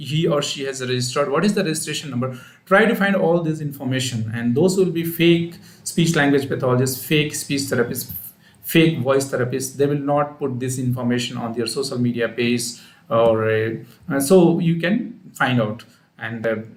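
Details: Adult male speaker; normal speech.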